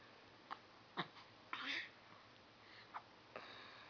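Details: Five-day-old newborn with hiccups: soft, brief catching sounds at irregular short intervals in a quiet room.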